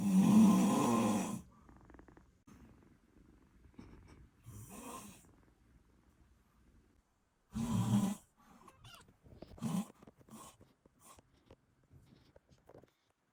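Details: Soft, uneven snoring breaths with a few louder snorts between quiet stretches from a sleeping British Shorthair cat, possibly a kitten; cat snoring.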